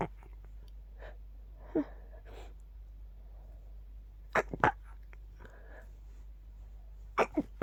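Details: Adult stifling sneezes during an itchy night-time sneeze attack to stay quiet near a sleeping partner: several very quiet, clipped, held-back sneezes, some in quick pairs, over low room hum.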